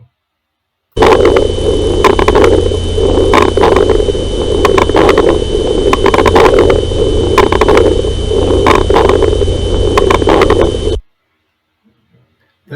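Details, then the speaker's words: Simulated breath sounds with brief explosive crackles clustered at the start of each inspiration: early inspiratory crackles. "e esse foi um show que aconteceu no início da inspiração e preste bem atenção como teve uma característica bem explosiva característica importante da acreditação"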